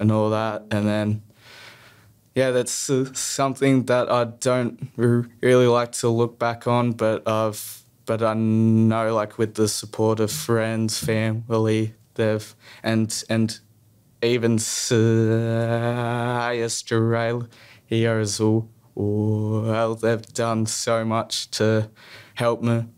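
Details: Stuttering in a young male who stutters.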